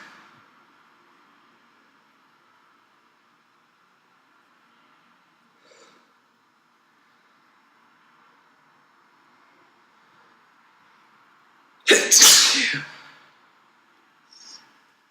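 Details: One sharp, explosive sneeze in a quiet room, with small sniffs before and after, from a tired person with a summer cold.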